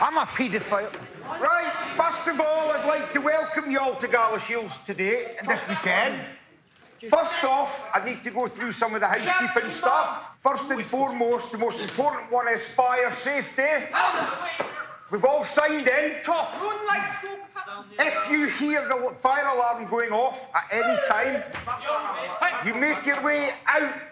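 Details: Adult man with Tourette syndrome, a genetic neurological condition, with almost no ability to suppress his tics, speaking to families at a Tourette camp; involuntary vocal tic heard mid-speech; vocal tic (Tourette syndrome).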